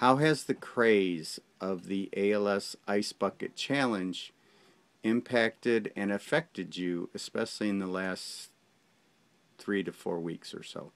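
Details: Adult male speaker; normal speech.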